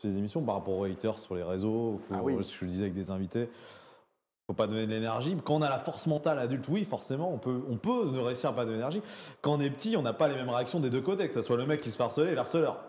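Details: Adult man speaking French; normal speech.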